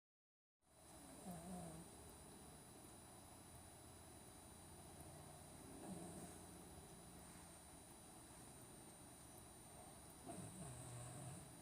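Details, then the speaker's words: A sleeping black Labrador snores with low, rumbling snores that recur every few seconds over a steady background hum. "if if you're gonna live in my house, you gotta stop snoring."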